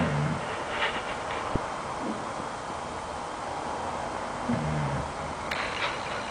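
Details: Three-year-old Beagle with a broken leg snoring while asleep; snoring.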